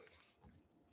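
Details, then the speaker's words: Faint, brief, low gurgling rumble from the stomach of an adult who is intermittent fasting and not eating until 10: normal hunger stomach growling (borborygmi). "So, oh, that's my stomach growling. I'm not eating until 10."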